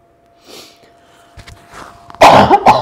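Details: A chair yoga instructor, with a tickle in the throat, makes a few soft throat sounds and then a loud burst of about three harsh coughs in a quiet room.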